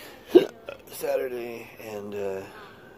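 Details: Adult with intractable hiccups since December 2015, recorded June 20, 2020, living with a severe disability: a single abrupt, sharp hiccup followed by a few drawn-out voiced sounds.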